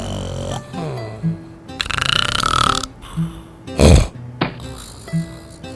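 Low, rumbling, throaty bursts over background music, then a loud belch-like burst; a burp in an advert, not a medical recording.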